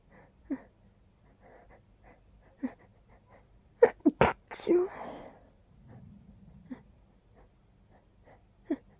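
Quiet sharp inward breaths build up, then a loud burst of sneezes with a trailing breathy release, followed by more faint catching breaths.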